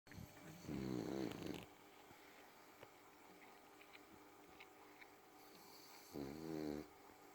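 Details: Snoring French bulldog: two loud, rough, rattling snores about five seconds apart in a quiet room.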